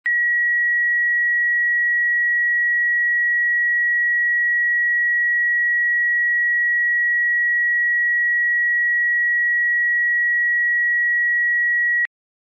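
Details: Sound-effects library recording: a single steady high-pitched heart rate monitor tone holds unbroken for about twelve seconds: flatline alarm tone.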